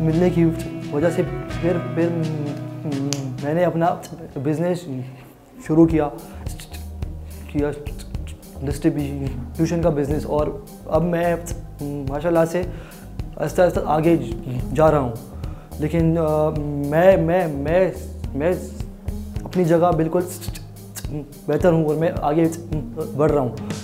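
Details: Adult man with a stammer since childhood that worsened after other children laughed at him, speaking Hindi/Urdu; stuttering.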